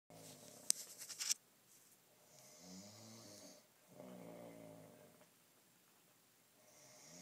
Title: snoring